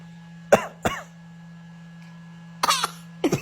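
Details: Voluntary imitated cough from an infant girl who has mimicked her parents' coughing for a couple of days: four short, deliberate coughs in pairs, given on request rather than from illness.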